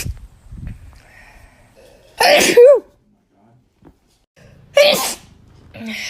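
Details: Sneezing: two sharp sneezes, each a quick inward catch then a forceful burst of air, with quiet room sound between them.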